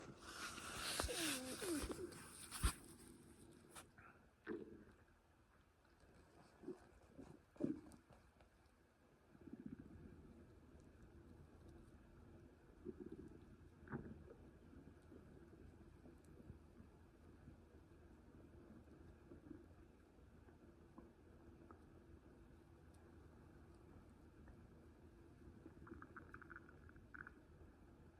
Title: Stomach noises after a full meal